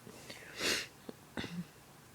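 A single short, hissy sneeze followed by a soft snort and a small click in a quiet room; sneeze.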